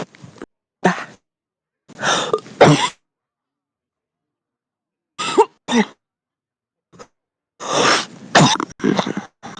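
Repeated harsh, chesty coughs and throat clearing in bursts with pauses; a heavy, deep smoker's cough.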